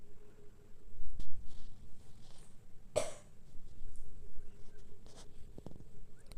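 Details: Cough from an adult who says they have a cough and cold affecting their voice.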